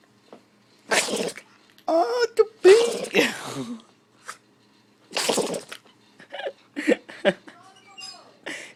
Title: Sneezing doggy